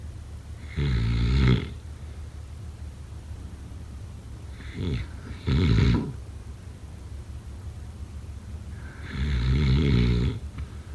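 Deep rattling snores on inhalation, about three in eleven seconds, over steady room hiss; snoring during sleep.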